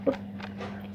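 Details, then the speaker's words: A single short, sharp cough from a child who says they coughed because they have not taken their medicine yet, followed by quiet room noise with a steady low hum. "Tuh kan aku batuk karena saya belum minum obat."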